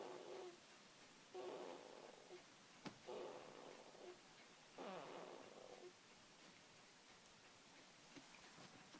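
Repeated soft, rough, fluttering breath noises about 35 a minute, with faint clicks between them: snoring during sleep.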